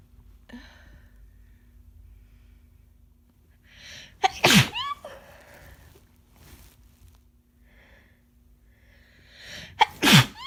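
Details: A person with a cold: two forceful, wet sneezes, each preceded by a catching inward breath, with a faint steady hum in the background.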